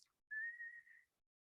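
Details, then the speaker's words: Single steady whistled tone by a lung doctor imitating a wheeze: a long musical sound of air through a narrowed orifice, as in bronchospasm, taught during a pulmonary exam talk; imitated wheeze, not a real patient. "a long musical tone so long and musical because air is moving through a narrowed orifice you know bronchospasm wheezing"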